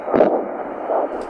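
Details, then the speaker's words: Handheld bedside Doppler probe in the popliteal fossa: the popliteal artery signal, then a long whoosh of venous return on distal compression of the leg. This normal augmentation is used to check that the deep veins are patent. "you compress distally and for a long war you just heard was venous return secondary compression try that again"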